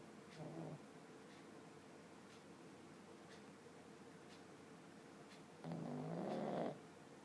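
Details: Two low, rattling snore breaths about five seconds apart from a sleeping dog, with faint regular ticking in a quiet room; snoring.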